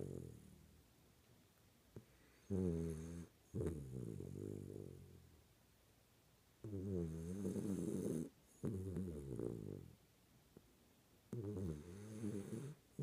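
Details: Sleeping schnauzer snoring: repeated low, buzzing snores with a whistly edge on each inhale, in a quiet room.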